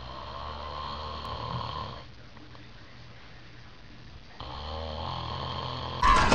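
Two long rattling snores on in-breaths with a quiet pause between them, in a small room; ordinary snoring.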